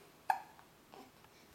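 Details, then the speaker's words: About 3½-week-old baby girl with hiccups, fussy after a bad day, settling for the night: one sharp, voiced hiccup with a brief catch, followed by faint quieter sounds in a quiet room. "now we're just a little mad cuz we have hiccups monkey toad grab my finger"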